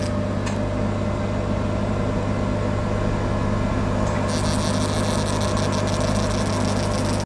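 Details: Fractional CO2 laser BG319 after installation, parameters set and ready: steady low machine hum with fan-like drone, a faint higher rapid ticking starting partway; fractional CO2 laser machine running.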